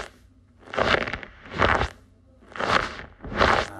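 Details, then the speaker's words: Mobile phone recording of a real patient's knee during repeated bending and straightening; severe arthritis, worse than the mid-stage case where about half the cartilage had worn; one listener wondered if it sounded like clothes rubbing; knee crepitus (severe osteoarthritis). "자, 마지막 소리는 더 있어요? 더 심한 분 소리를 들려드릴게요."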